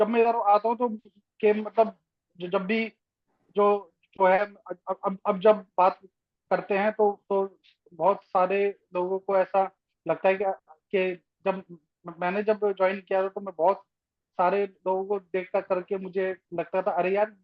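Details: Adult man in a Zoom workshop, member of an Indian stammering association for 12 years, who speaks of people who stammer as "us", suggesting he stammers himself; stuttering (stammering).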